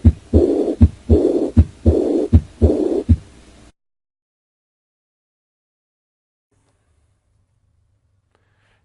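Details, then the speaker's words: Simulated teaching-tape aortic regurgitation murmur: regular heart sounds about 79/min with a soft blowing diastolic decrescendo murmur heard at the lower left sternal border. "murmur one is a diastolic decrescendo murmur love love love and it's h at the lower left sternal border love"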